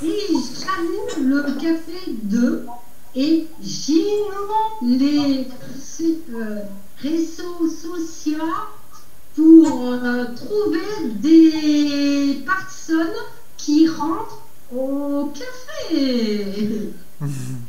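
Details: 53-year-old woman with aphasia after two strokes, the second haemorrhagic, also visually impaired, practising speech daily at an aphasia café; Broca's aphasia.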